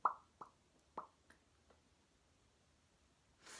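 A run of five sharp lip pops, fading in loudness, in a quiet room; a simple vocal tic of Tourette syndrome.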